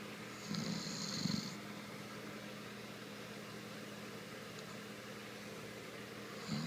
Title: He is going to hate me. Snoring !